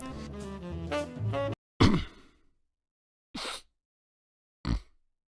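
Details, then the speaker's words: Three abrupt, irregularly spaced sniff or throat-clear bursts imitating simple phonic tics of Tourette's syndrome. "simple phonic tics include excessive exaggerated and or continual sniffing or throat clearing"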